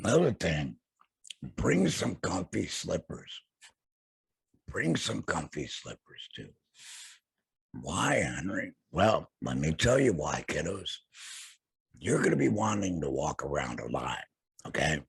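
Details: Alaryngeal speech in an adult man after total laryngectomy for throat cancer, vocal cords removed.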